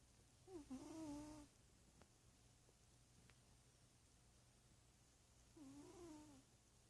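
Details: A big male cat named Leo, a meowskie, gives two soft, tonal, whistly snores about five seconds apart while sleeping; the vet said his snoring is normal and he is healthy.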